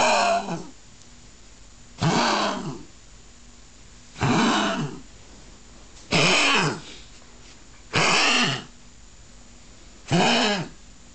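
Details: Small-breed dog diagnosed with tracheal collapse (also has myxomatous valve degeneration with a significant murmur), on medical treatment: six harsh, honking goose-like coughs about every two seconds; honking cough of tracheal collapse.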